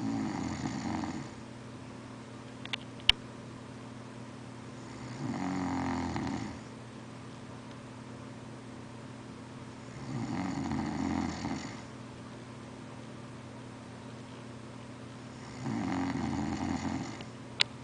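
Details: Friend snoring in a dorm: steady rumbling snores about every five seconds, roughly 12 breaths a minute, in a quiet room.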